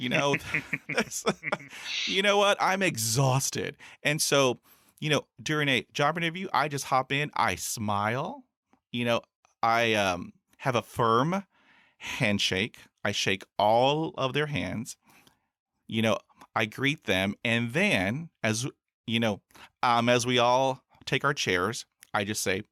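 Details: Real stuttering in an adult man, a speech-language pathologist, who has stuttered since about age six; two younger brothers also stutter, and he calls his stutter fairly obvious.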